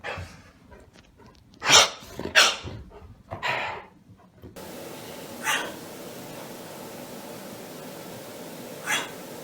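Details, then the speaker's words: Debarked dog after ventriculocordectomy (vocal cord removal) gives several short, breathy, hoarse, wheezy bark attempts. "it is medically known as a ventricular cord ectomy and this is what it sounds like wheezing yeah"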